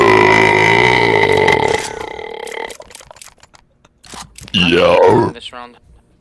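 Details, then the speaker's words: Long, loud, drawn-out burp, brief voice sounds, then a shorter burp, while playing CS2; speaker apologizes for letting one out. Ordinary burping. "yeah sorry about that I had to let that one out"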